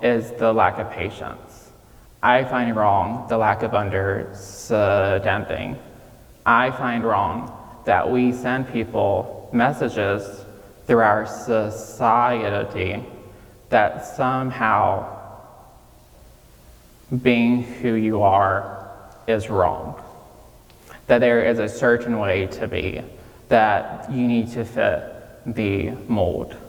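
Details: Real recording of a 26-year-old man with childhood apraxia of speech, diagnosed at age five after not speaking until then, with speech therapy five times a week; he says saying things may take him more time.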